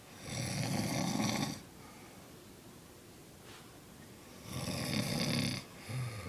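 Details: A mother snoring at 3:37 am: loud, rough rattling snores on breathing in with a quiet pause between, about two in six seconds; heavy snoring.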